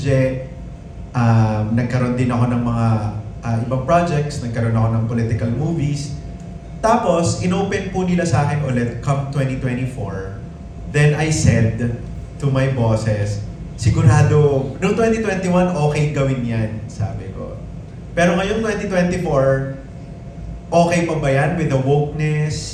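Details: Adult male speaker; normal speech.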